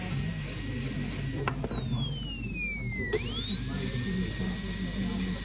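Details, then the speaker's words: High steady dental drill whine dropping in pitch under load then rising, over room noise; removing old composite and beveling tooth surfaces before composite restoration to close a diastema. "now I removed all the composite the previous composite mup composite and I did Bing Bing to the surfaces that I will add composite"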